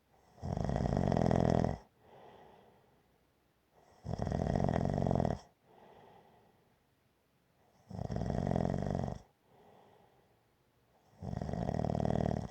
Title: Snoring - Gentle Snoring